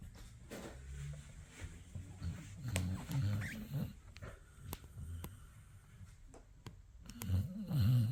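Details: Dog snoring: low, rumbling snorts that come and go every couple of seconds, with a few soft clicks in a quiet room.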